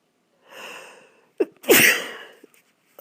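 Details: Congested sneeze and nose blow, possibly from allergies: a drawn-in breath, then a forceful wet sneeze with a thick, congested nasal quality.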